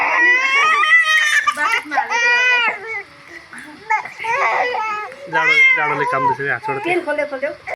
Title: Baby Crying 😭😭 When he was Bath 🛁